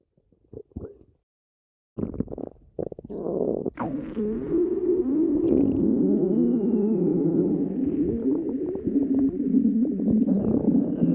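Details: Stomach growling (borborygmi): long, low rumbling and gurgling from the belly.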